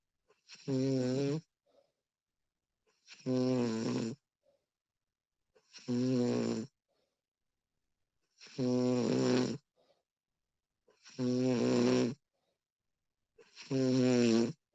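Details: Six loud, rough, voiced snores at regular intervals, about 23 a minute, with quiet pauses between them, from a sleeping woman recorded during sleep; snoring.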